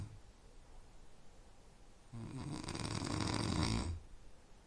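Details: Snoring recorded as a sleep-aid sound: one long, loud, rattling inhaled snore after quieter breathing, over faint room noise.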